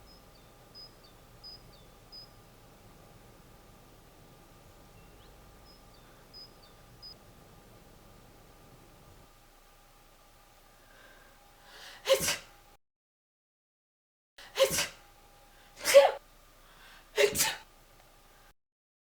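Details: Four short, sharp sneezes in quick succession after a quiet stretch. Sneezing.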